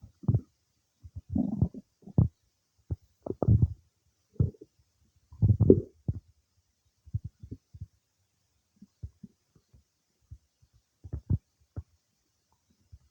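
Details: Bowel sounds some time after eating cake: irregular gurgles, squelches and short rumbles from the belly, clustered then sparser; ordinary borborygmi of digestion.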